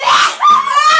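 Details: Adult woman, after inhaling pepper, struggles to let out a persistent sneeze: a single loud, high-pitched, forceful burst of breath and voice in a small room.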